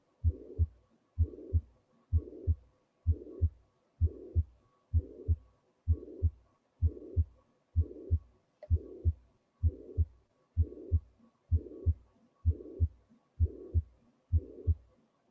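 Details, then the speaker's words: Heart sound recording in a cardiovascular examination teaching session: steady heartbeat about 64 a minute, paired lub-dub sounds with a soft whooshing noise after each beat, fitting a heart murmur. "now to the recordings and enjoy a few minutes of hard sounds"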